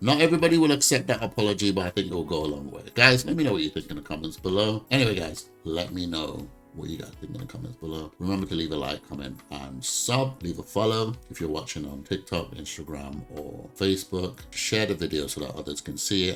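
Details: Adult male speaker; Normal speech.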